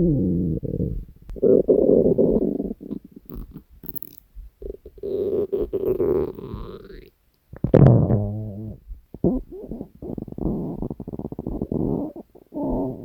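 Long, low gurgling and rumbling with bubbly pops and a squeaky rising tone; hunger stomach growling, a normal bowel sound.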